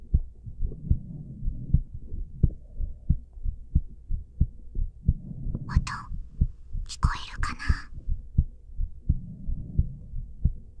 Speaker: ふぅ、いっぱいとんとんしたのだずんだもん、やっぱり眠くなってきちゃったのだうとうとなのだお兄さんも、眠たくなってきたかな？それとも、まだうとうとしてないかな？にゅふふ、それじゃあ、ずんだもんの心臓の音でも聞いてみる？さっき言った一定のリズムが落ち着くっていうのは心音とかも、いいらしいからねー